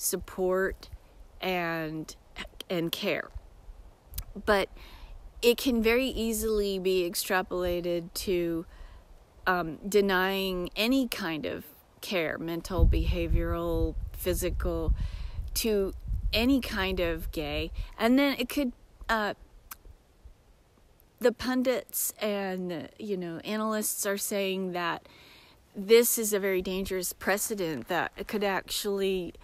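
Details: Self-described disabled woman with episodic aphasia occurring several times a day, sometimes briefly, that she says can sound like mocking a foreign-language speaker; acquired speech disturbance (aphasia with foreign-accent quality).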